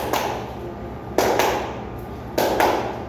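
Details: Spoken imitation of a normal heartbeat, given in a veterinary lecture on murmurs: paired lub-dub sounds, about 50 a minute, with no swishing between beats.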